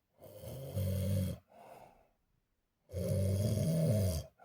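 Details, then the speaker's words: Bed companion snoring at a sleepover, crowding the listener to the edge of the bed: deep, rumbling snores on breathing in, softer breaths out, with snorts between. "He's literally got me on the edge the bed edge of the bed and I can't sleep with just snoring."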